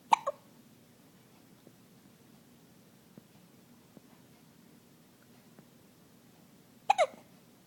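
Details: Young child with hiccups: two sharp, abrupt vocal gulps, each a quick double catch, about seven seconds apart in a quiet room.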